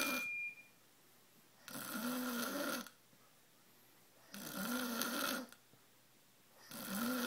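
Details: Man passed out asleep: loud, rasping snores about a second each with quiet pauses between, roughly 20 breaths a minute; heavy snoring, sawing logs.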